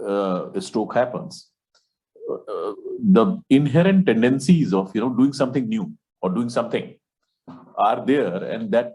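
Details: Adult male speaker; normal speech.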